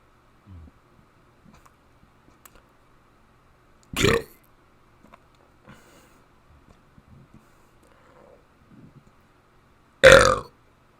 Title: Burping The Alphabet